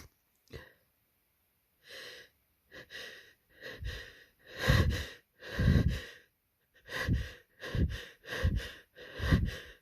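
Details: Stuck sneeze during a cold: repeated sharp, hitching inward breaths with nose tickle building toward a sneeze that never comes; pre-sneeze breath hitching.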